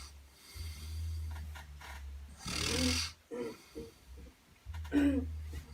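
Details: Person sleeping in a shared space on the Camino: low rumbling snores with rough, snorting breaths between, irregular rhythm, quiet indoor space; snoring.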